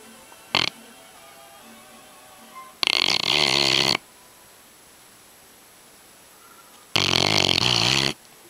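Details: Loud snoring in a sleeping yellow Labrador: two loud, harsh, raspy snores about four seconds apart with a short snort before them.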